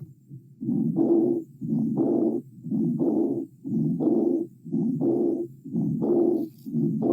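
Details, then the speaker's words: Aortic regurgitation murmur, third intercostal space at the left sternal border: heart cycles at about 60 a minute, each followed by a soft, fading blowing early diastolic murmur. "Bueno entonces es diastólico no esta es la diferencia"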